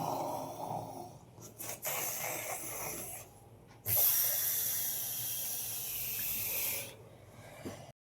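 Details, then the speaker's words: Acted snoring by an aunt in a comedy skit: irregular rasping, hissing breath noises with one long drawn-out snore, over faint room noise: snoring. "দিয়া শুই, বাপরে বাপ কি নাক ডাকছে, উরে বাপরে বাপ, পাদের গন্ধ, ওর বাপ।"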